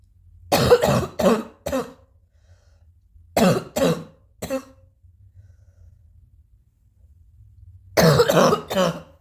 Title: new coughing